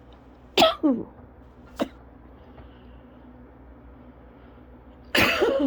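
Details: Cough-variant asthma attack: two sharp coughs, a softer one, then a harsh, prolonged coughing burst.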